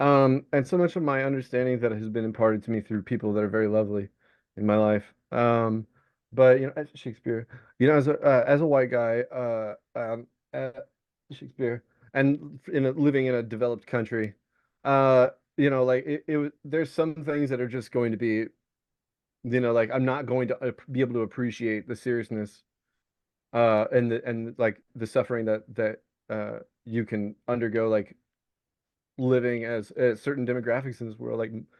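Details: Tourette syndrome vocal tics in an adult male Navy veteran diagnosed with Tourette's, with a repeated involuntary tic word ("Shakespeare") during speech.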